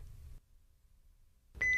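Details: A steady electronic beep rises after low room hum: the alert tone of a Philips HeartStart OnSite AED, just before its shock-advised prompt, in a training video.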